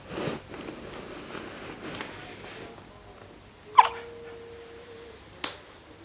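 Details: Day-6-old newborn boy with hiccups, which he often had in the womb: a few sharp, brief clicks spaced seconds apart in a quiet room, typical infant hiccups.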